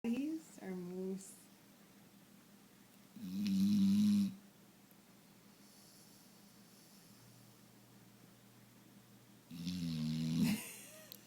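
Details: Foster dog snoring contentedly while snuggled: two loud, low, fluttering snores several seconds apart, with a brief vocal sound at the start.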